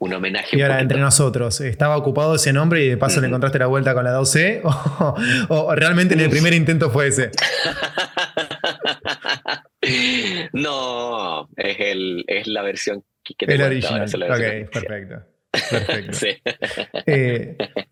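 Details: Adult man who stutters, speaking Spanish; stuttering.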